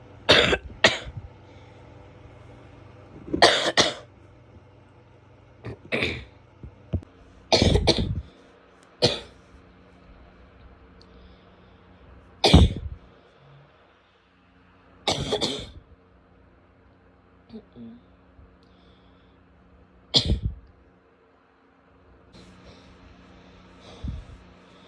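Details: Adult female coughing repeatedly in short single and paired bursts, with a low steady hum behind.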